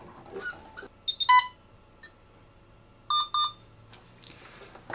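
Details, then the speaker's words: Alaris 8015 PC unit (infusion pump system) powering on while the tamper switch is held to enter maintenance mode: several short electronic beeps in pairs with quiet clicks between, a normal start-up tone. "to get into the maintenance menu you're you're going to hold down your tamper switch and Power on the unit at the same"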